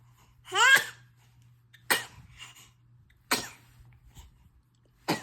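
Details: 4-month-old baby girl sneezing four times in a row; four short, sharp infant sneezes about a second apart, the first with a brief squeal, then she signals she wants to sit up.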